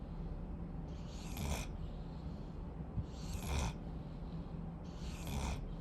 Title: Rottweiler Puppy Snoring